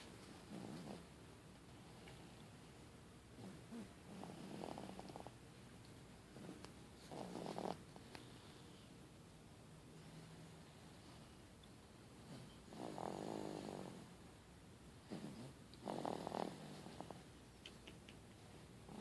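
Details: Baby snoring while asleep: soft, rough, fluttering breaths recurring every few seconds in a quiet room.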